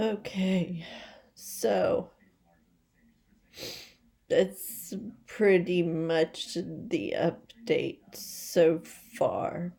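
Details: Voice tremor from essential tremor in an adult woman: rapidly progressive and badly out of control, most affecting her head and voice, with word-finding difficulty and leg and hand weakness; she is awaiting movement disorder specialists.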